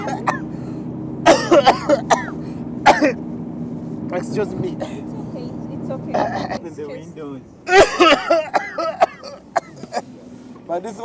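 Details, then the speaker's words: Acted coughing from a TV comedy scene in which a taxi passenger coughs incessantly beside another passenger: repeated harsh coughs and throat clearing over traffic noise and talk. "as florence becomes more and more disgusted with albert's incessant coughing it gives him a chance to put his plan for her handbag in action"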